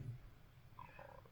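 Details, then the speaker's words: Pet dog sleeping at the owner's feet around 5 a.m.: a brief low, rumbling snore, heard faintly against a quiet room. "if y'all hear that's snoring that's my dog Moxy sleeping down at my feet he's not quite ready to wake up for the morning"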